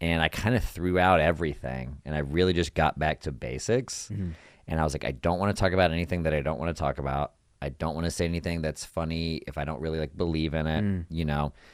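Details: Adult man speaking; ordinary fluent speech.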